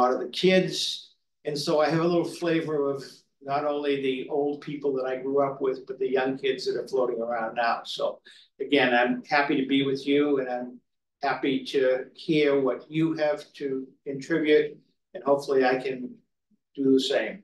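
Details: Adult man speaking; typical voice.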